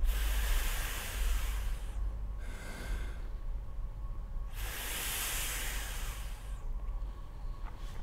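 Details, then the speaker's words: A physician demonstrates inhaler technique with a spacer for asthma or COPD patients: one puff is pressed, then four long, deep breaths in and out through the spacer, with airflow hissing through the device. "क्या किया हमने एक बार इसे दबाया और चार बार साथ लिया छोड़ा गहरा लंबा साथ लेना है और छोड़ देना है"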